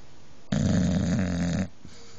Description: Not only does Halo the boxer take over the bed, she is a very loud snorer! This is what keeps me up at night!